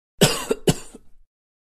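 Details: Royalty-free coughing sound effect: cough.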